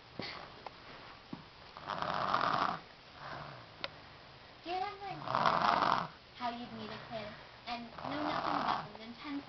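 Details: Three rough, rattling snores about three seconds apart from a sleeping child just sung to sleep, with quiet talk nearby; snoring.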